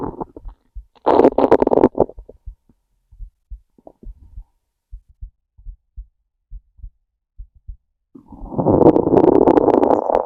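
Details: Loud gurgling rumbles at the start and end, with soft regular heartbeat thumps between them; hungry stomach growling, bowel sounds (borborygmi).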